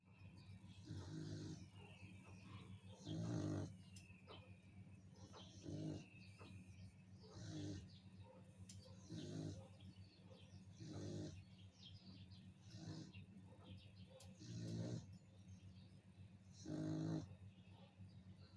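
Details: Snoring during sleep: slow, rhythmic rattling snores, about ten over eighteen seconds, with quiet breathing between them.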